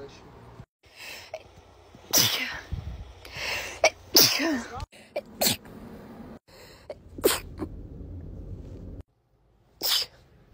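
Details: Several sharp, explosive sneeze bursts separated by quiet gaps and brief breaths, with faint talk in between, in a short edited compilation of sneezing clips: sneezing.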